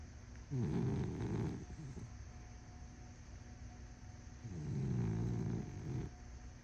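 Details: Small dog: two loud, deep, rattling snores about four seconds apart over a steady room hum; heavy snoring.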